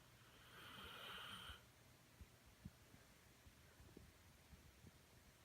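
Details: A dog gives a single loud, raspy snore with a whistling edge lasting about a second, then quiet breathing with faint clicks. Finding: snoring.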